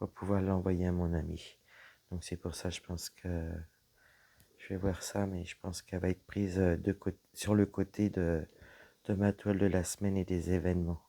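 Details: Woman with dysphonia after a serious health problem damaged her vocal cords; her voice is lower than before, at times weak, and she cannot speak loudly; lowered voice pitch.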